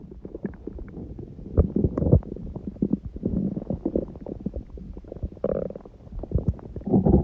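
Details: Stomach growling recorded at 1:30 am after waking, six hours after eating too much udon at 19:30, the first gluten in a while: irregular gurgling, rumbling and bubbling bowel sounds, some drawn into brief squeaks; ordinary borborygmi.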